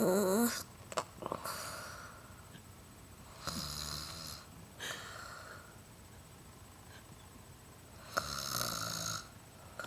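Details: Sleeping individual snoring: loud rattling snores in spaced bursts with quiet breathing between them, in a small room.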